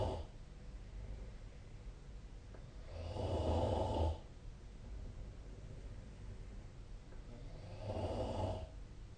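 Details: Sleep snoring recorded with the SnoreLab app on 2025/04/30: two rough, rattling snores on the in-breath, about 13 breaths a minute, over quiet room hiss.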